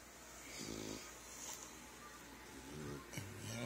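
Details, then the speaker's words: Soft rattling breaths with a faint snorting buzz over a noisy background: gentle snoring from sleeping puppies. "sleeping puppies puppies puppies puppies snoring away"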